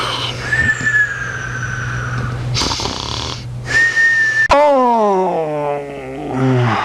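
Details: Raspy snoring with high whistling breath sounds and a squeaky, whine-like exhale over background hum: a sleeping Rat Terrier snoring in a way that sounds like a person.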